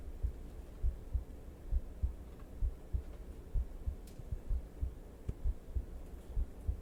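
Regular low thumps at about 66 beats a minute, picked up through a microphone held to the chest; a normal heartbeat.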